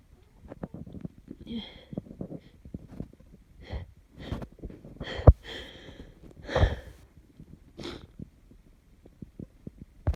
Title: Another cold snotty sneezing fit